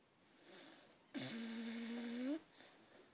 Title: Buster snoring